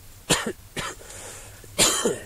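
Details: Three harsh, somewhat wet coughs from an adult on the third day of severe flu with high fever, recorded at a wilderness camp: a productive cough bringing up chest congestion.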